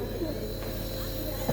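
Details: Child giving herself a nebulizer treatment for flu and cough: steady low mechanical hum of the nebulizer compressor running.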